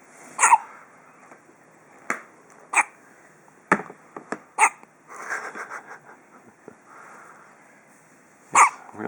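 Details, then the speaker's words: Male with hiccups: about six short, sharp gulping bursts in nine seconds, some with a bark-like edge. "good hiccups huh oh that's a big one goodness gracious"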